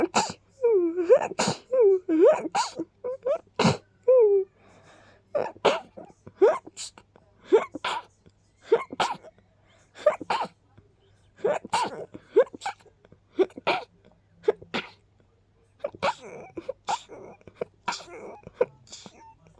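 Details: Pollen-triggered sneezing: a long run of about twenty small, quick, oddly sounding sneezes with brief pauses between them; a repeated sneezing fit.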